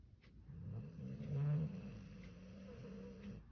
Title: Does your dog snore like this?